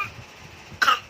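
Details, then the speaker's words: A single short, sharp cough from a person who is sick, after a moment of quiet room noise; cough. "Cuma, sakit, batuk ya."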